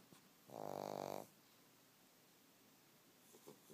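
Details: Snoring: a single buzzing, vibrating snore lasting under a second, then quiet breathing in a still room.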